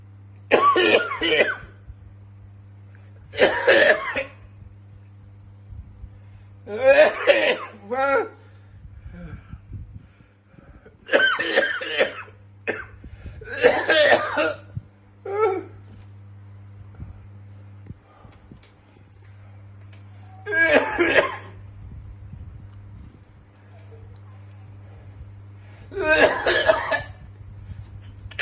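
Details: Adult demonstrates a harsh, spaced coughing fit imitating the cough he used to get with trenbolone use, which he has not taken in years; simulated tren cough.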